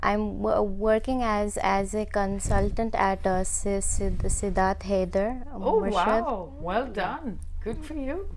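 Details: Woman who stammers, a member of a stammering association, speaking in a TV talk-show interview; stuttering.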